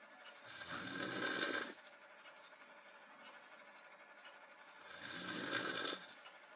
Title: SLEEPING BEAUTY(Snoring Lip-Sync)